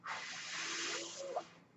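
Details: The speaker's own mechanical ventilator, heard while he talks: a steady airy hiss rises, holds about a second and a half, then fades, the airflow of one ventilator breath.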